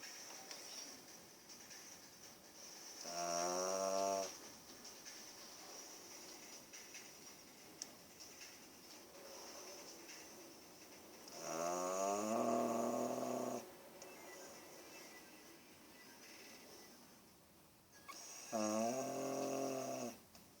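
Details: Three long, buzzing snores roughly 7 seconds apart, each lasting one to two seconds, with quiet room noise between, recorded 2014; ordinary snoring.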